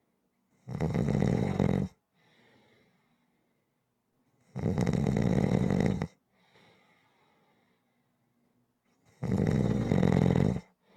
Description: ASMR Snoring audio to relax to